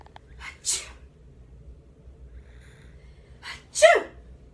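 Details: Two sneezes from an adult, each a short intake of breath then a sharp explosive burst, with a baby laughing at the sneezes.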